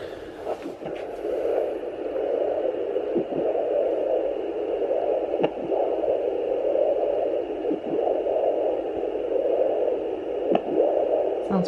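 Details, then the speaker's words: Steady hiss broken by sharp, single thumps every two to three seconds, with no heartbeat heard, picked up on a Doppler at 29 weeks 3 days of pregnancy; fetal hiccups. "Oh, they're going away. Oh, nope, still there. That is so cool. I didn't know you could catch hiccups on a Doppler."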